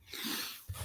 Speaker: you you bet you sneeze yeah I sneezed and then yawned that sounds painful